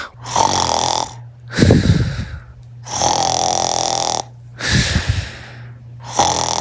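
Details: Loud, rattling snores alternating with hissing out-breaths, about 20 breaths a minute; snoring.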